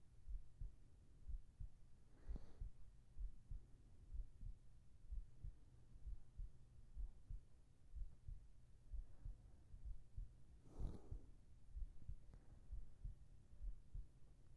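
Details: ASMR heart sounds for sleeping, recorded with a whispered voice: faint, soft regular heartbeat thumps under low hiss with a couple of brief breathy rustles, a steady resting heartbeat.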